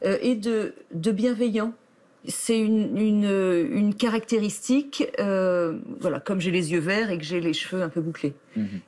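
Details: Adult woman who stutters, longtime stuttering, shows word repetitions: stuttering.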